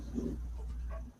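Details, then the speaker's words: Sleeping dog snoring "like an old guy": a single low, rumbling snort over a steady low room hum. "snore like an old guy hey stop snoring seriously you know"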